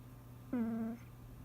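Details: Sleeping cat snoring: a single brief, steady, humming squeak over a faint low hum, a tonal, whistling snore.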